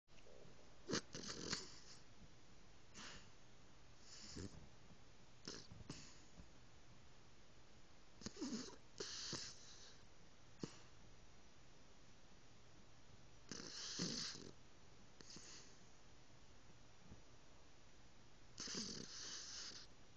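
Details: Yorkie snoring away while asleep: soft, irregular snorting breaths with brief rattling bursts over a low background hum.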